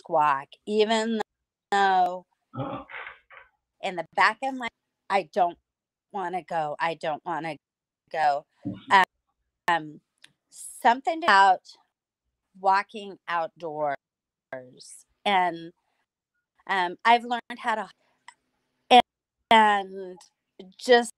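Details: Adult woman with aphasia after two hemorrhagic strokes caused by a carotid artery tear; lost speech and relearned talking with a speech pathologist using singing; about nine years post-stroke.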